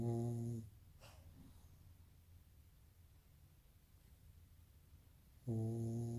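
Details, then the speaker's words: A sleeping pug snores loudly, with low buzzing snores at the start and end and quiet breathing between them. "quando você quer provar que a pessoa ronca ea uma acredita"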